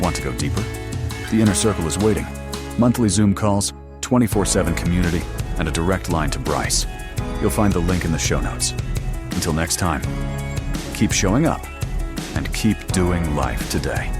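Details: Adult male narrator; Normal speech.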